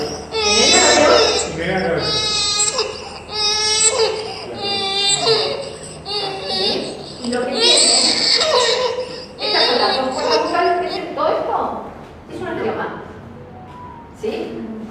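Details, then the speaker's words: Newborn whose stridor began at birth, within 24 hours: high-pitched, harsh crowing noises on breathing in, mixed with crying; inspiratory stridor from a narrowed upper airway, in the context of laryngeal webs. "Este es un estridor inspiratorio que comienza en el nacimiento no 24 horas el nacimiento y tiene algo un particular en"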